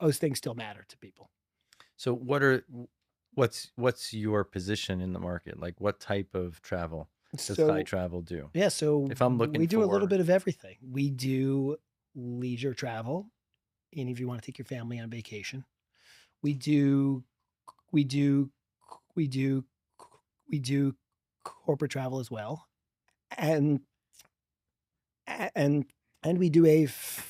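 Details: Stuttering in a 40-year-old man, real, who has stuttered since childhood and describes a strong stutter with blocks; spontaneous podcast interview speech.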